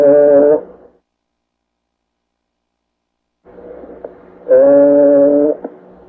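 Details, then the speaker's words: Egophony, usually heard over the posterior chest wall as the person says "E": spoken vowel comes through loud, nasal and bleating over muffled chest noise; causes include pleural effusion, pneumonia or fibrosis. "have the person say e as you're listening to the chest wall and if you hear hear that e on the lungs then that's egophony"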